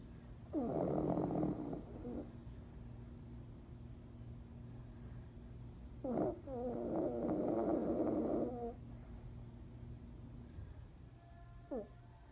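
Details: Sleeping pet: two long, rough, vibrating snoring breaths separated by quiet pauses, with room hum throughout; snoring.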